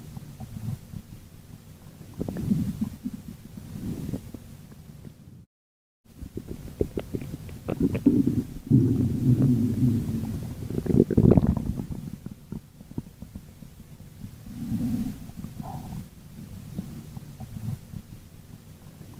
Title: Bubble stomach growl